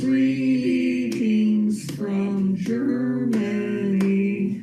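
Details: Man with very advanced primary progressive aphasia and great difficulty expressing anything orally, reading aloud together with a clinician using melodic intonation therapy; primary progressive aphasia (melodic intonation therapy).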